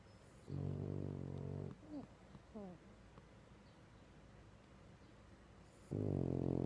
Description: Our sleeping French Bulldog, Clyde, sawing logs.